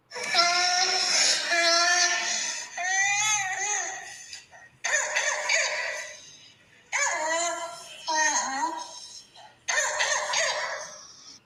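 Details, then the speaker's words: Child with croup: hoarse, high-pitched crowing stridor on breathing in with strained crying, a distinctive croup sound. "So that sounds bizarre, but that is a really distinctive sound of croup."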